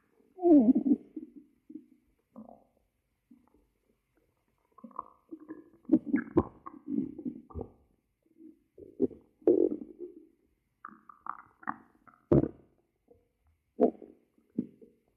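Low gurgling rumbles in irregular bursts over about fifteen seconds, typical stomach growling from gas and fluid moving through the gut.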